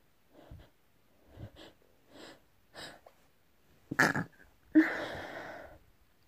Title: Lots of sneezes xo